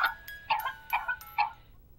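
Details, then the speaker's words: Child's rapid run of short, harsh paroxysmal coughs, the sound of whooping cough (pertussis), in a public vaccination message. "this is what whooping cough sounds like the sound no parent wants to hear"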